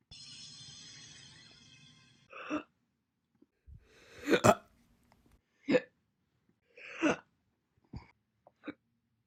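Brief music, then a series of separate short hiccup sounds at irregular intervals; single hiccups.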